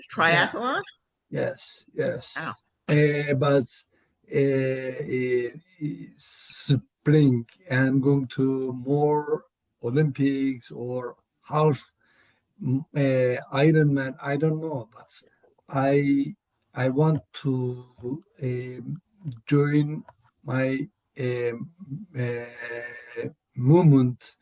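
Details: Real adult male with aphasia, cause not stated; aphasia.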